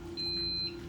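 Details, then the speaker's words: BiPAP ventilator demonstration: after standby mode, the mask seal is reconnected by hand and the machine senses it. A single steady electronic beep over a low machine hum as ventilation restarts. "sense that seal and it should go ahead and initiate ventilation again and you'll know that because you'll hear it and you'll see your numbers"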